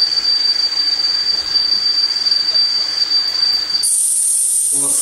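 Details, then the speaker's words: Simulated tinnitus played over a speaker during a 2014 lecture on hearing-aid therapy for tinnitus: a steady high-pitched hiss with a thin whistling tone, then a brighter, higher hiss. "abbiamo sentito un fischio tipico ma abbiamo la possibilità di avere un brusio prima lo hanno descritto i colleghi un crepitio un Ronzo è già stato anche difficile associare certi rumori a certi stimoli un fuscio un"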